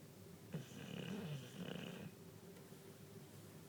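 A single quiet, rumbling snore on one breath against low room noise; snoring.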